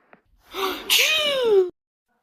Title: Numberblocks 1156 sneeze add round 14